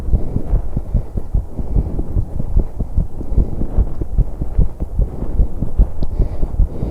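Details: 21-year-old female on an exercise bike, recorded to capture breathing with much noise: fast, steady low heart thumps with breathing noise and rumble; quickened heartbeat from exertion.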